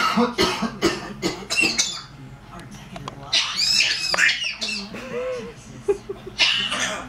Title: My African Grey coughing